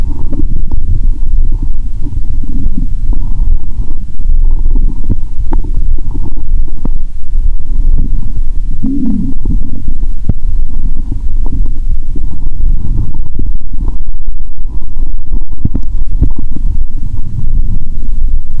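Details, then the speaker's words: Bowel sounds heard through a stethoscope on the belly, which now feels bloated after a drink: continuous low rumbling and gurgling with scattered clicks and bubbling pops, active borborygmi. "ó thể nghe thấy âm thanh của dạ dày ngay cả khi ở gần tim. "Tôi sẽ ấn mạnh ống nghe và nghe ♪". Bạn có thể nghe thấy âm thanh tốt hơn nếu bạn không nhấn mạnh."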